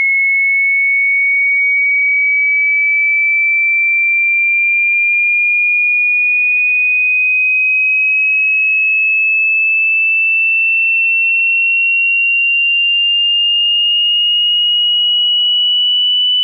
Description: A cool hearing test where you can measure your hearing capacity against the frequency.